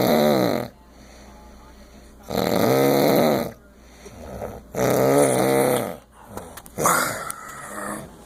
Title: snoring in tampa